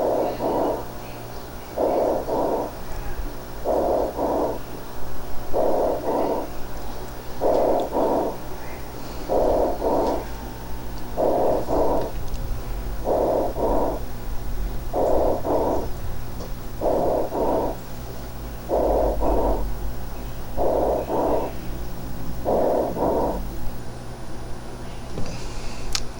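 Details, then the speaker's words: Teaching auscultation recording of tubular (bronchial) breathing heard in the lung areas surrounding an active pneumonic process. "entonces este soplo tú baricco que escuchamos en las áreas circundantes a donde está todavía el proceso neumónico activo nuevamente lo escuchamos así"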